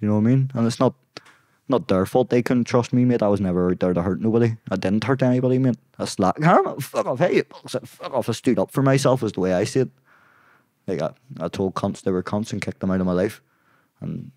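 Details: Young adult man with Tourette syndrome; tics began at 16 as a shoulder tic, spread across his body, then vocal tics followed; worsen with stress and cameras. Involuntary vocal tics, including coprolalia, interrupting speech.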